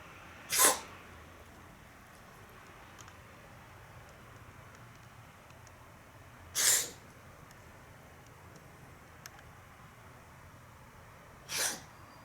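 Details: Cat that can't stop sneezing: three sharp, explosive sneezes about five seconds apart, with quiet room noise between them.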